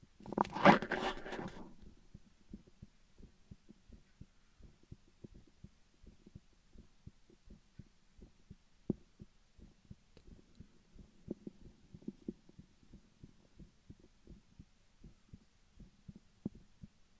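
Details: Faint, steady low thumps of a heartbeat heard through a stethoscope after a brief burst of rustling, in a simulated ASMR stethoscope exam; possibly the presenter's own heartbeat.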